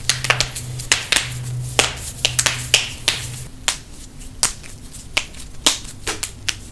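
A rapid series of sharp cracks and pops, about twenty in under seven seconds: joint cracking, a harmless release of gas from the joints.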